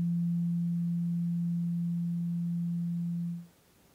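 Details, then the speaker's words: Role-played ASMR hearing frequency test with the fourth of eight tuning forks, slightly higher frequency, played to the first ear. A steady pure low hum that fades out after about 3.5 seconds. "halfway point the fourth one again slightly higher frequency again in this ear first ready here we go"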